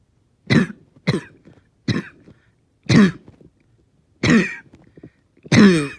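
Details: Painful, long-lasting coughing fit: six harsh, separate cough bursts in about five seconds with short wheezy in-breaths between; the cougher felt they stayed fairly calm.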